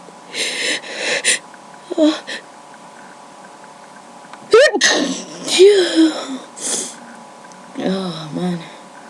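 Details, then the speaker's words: Random sneezing fit from a tickly nose with no allergies, caught on webcam: several rapid sneezes, each with a sharp intake and forceful burst, brief voiced exclamations between. "I felt this random sneezing fit coming along, so I decided to record it. My nose just tickles a lot, so so I'm sneezing."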